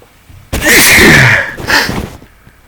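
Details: Adult out of prescription antihistamines during pollen season; sharp indrawn breath, then a single forceful sneeze in a small room: allergic sneezing.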